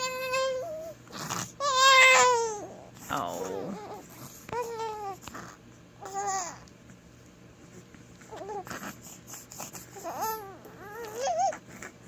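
Short bursts of high-pitched infant crying and fussing, mixed with babbling, with room hum behind.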